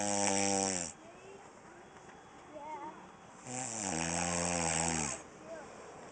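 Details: A person sleeping on a camping trip, snoring: two loud, buzzing, rattling breaths with quieter pauses between them; typical snoring.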